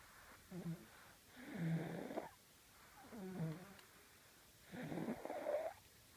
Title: Matilda and the snore